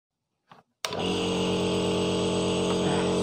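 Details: Home nebulizer compressor used for breathlessness, switched on: a faint sound, then a switch click and a steady mechanical hum with regular pulsing; nebulizer compressor running.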